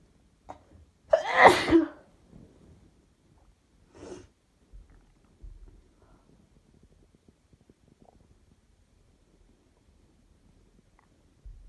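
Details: Sneeze attack: one loud, explosive sneeze with a sharp intake before it, then a softer second sneeze, quiet breathing and sniffing; belly noises may be audible.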